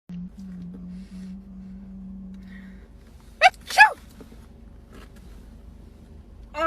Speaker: I sneezed by accident.